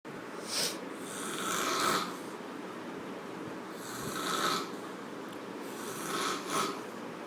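Loud, rough, rattling breaths repeat about every two seconds over steady room hiss; heavy snoring.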